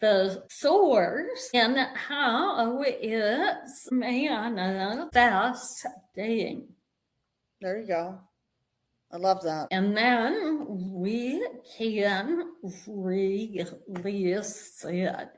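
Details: Vocal tremor in an adult woman, described as developing after decades of narcissistic abuse and trauma and manifesting in the body and nervous system; vocal tremor.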